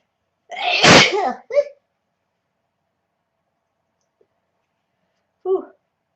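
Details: Girl sneezing, possibly allergies or sinuses: one loud, sharp sneeze with a short breath and a brief vocal sound after.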